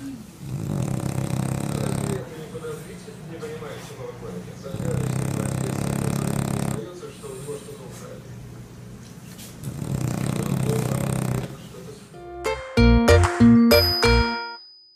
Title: Funny Dog Snoring